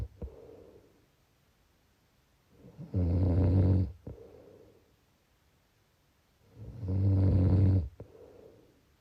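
Two long, low, buzzing snores on the in-breath, separated by quiet out-breaths, about 15 breaths a minute: typical snoring.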